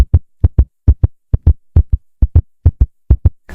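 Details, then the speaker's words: Rapid, regular paired heart sounds at about 135 beats a minute, a fast heart rate: tachycardia. "Así se escucha una taquicardia o un corazón rápido."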